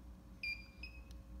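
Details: Two short high beeps and a click from a two-channel Bodyguard IV infusion pump as the off button is held after the tubing is removed: infusion pump power-off beep.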